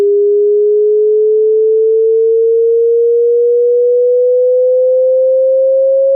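Pure steady tone rising slowly in pitch, a test sweep used to check the range of pitches a listener can hear.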